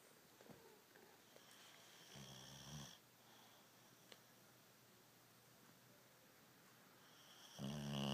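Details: Two low, vibrating snores several seconds apart in a quiet room, with soft breathing between; snoring.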